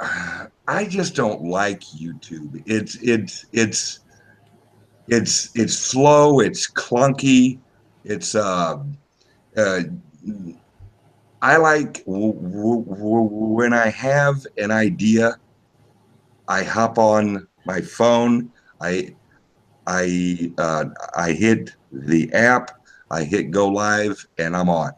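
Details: Self-reported speech impediment of unspecified type in a man, a truck driver; stuttering-like disfluency heard; speech impediment.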